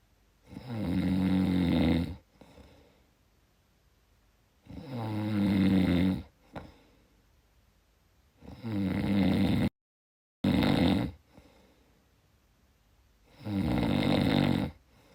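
Loud, rattling snores on each in-breath, about 17 a minute, with quiet pauses between and occasional snorts; snoring.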